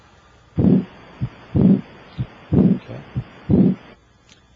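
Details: Normal heart sounds over the aortic area through an electronic stethoscope, patient sitting up, leaning forward and holding breath after full exhalation: clear regular lub-dub at about 62 a minute, no murmur.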